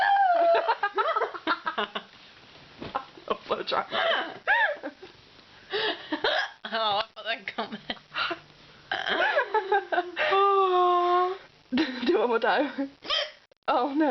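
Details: Girl at a sleepover with hiccups: talking and giggling broken by sharp, abrupt gulping catches in the voice, with music playing.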